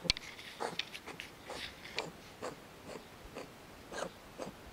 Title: Cat sneezes - Funny Cats Animals Video